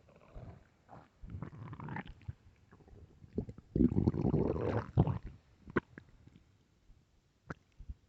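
Long low growls and gurgles with scattered pops; ordinary stomach growling.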